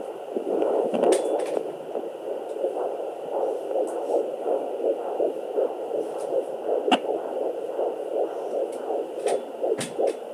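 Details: Fetal heartbeat at 12 weeks of pregnancy on a Sonoline B fetal Doppler over the belly: rapid whooshing pulses in the 160s, with noises of baby kicking and swimming; scratchy probe placement sounds.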